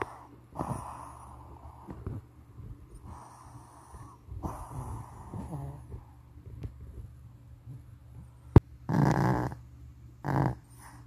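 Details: Sleeping Shih Tzu snoring loudly: irregular low snorting and rattling snores, noisy breathing of a flat-faced breed; snoring.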